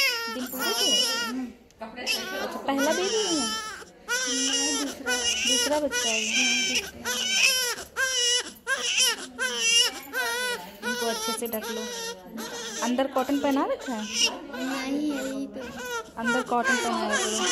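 Vigorous, sustained crying of a newborn in short repeated wails; a strong, healthy newborn cry.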